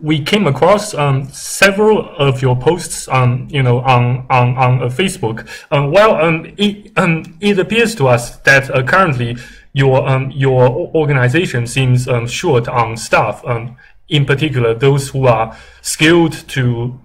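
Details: Stuttering in an adult making a cold business call, owner suggesting a bit less stuttering than before.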